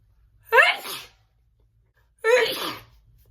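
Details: Two voiced sneezes, each a short loud burst with a trailing vocal tone, about two seconds apart.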